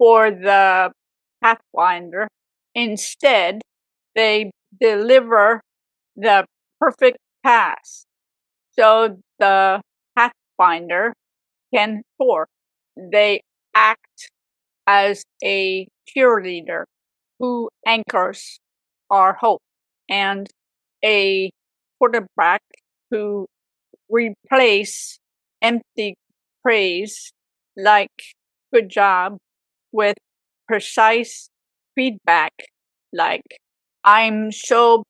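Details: Aphasia in a woman 18 years after a severe stroke at age 44; speech shows grammatical errors and word substitutions.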